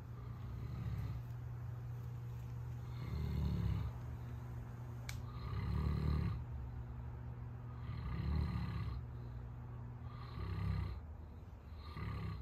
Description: Beemo, our 200+ pound Saint Bernard caught sleeping and snoring AGAIN! 😂